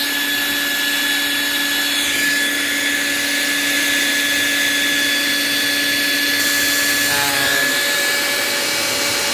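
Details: Open-source ventilator turbine driven by PWM from a signal generator (2 kHz square wave, duty cycle raised 10%–90%): steady loud high-pitched whine with rushing air throughout; turbine running at high speed.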